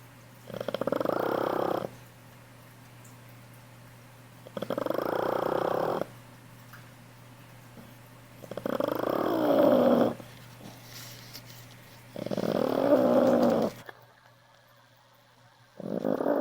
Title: Snoring